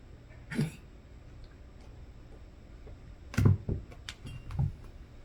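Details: Dog (with focal seizures) coughing after drinking: a few short, abrupt coughing bursts separated by quiet, in a small indoor room.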